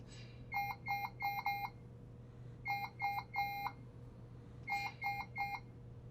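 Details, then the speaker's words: Puritan Bennett 560 ventilator in pressure SIMV mode: repeating groups of three to four short, high beeps over a low hum. This is a low inspired tidal volume alarm (measured 289, below the set low limit of 300). "And we have a low tidal volume alarm that's going off, so I'm going to go into my menu, scroll over to the alarm, okay?"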